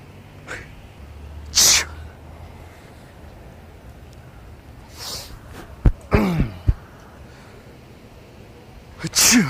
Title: sneezing on people in the street